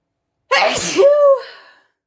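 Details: One forceful, wet, messy sneeze: a sharp noisy burst followed by a brief voiced trailing sound; sneeze.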